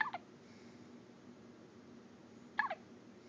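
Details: Daily recurring hiccups: two short, sharp hiccup sounds about two and a half seconds apart over quiet room noise.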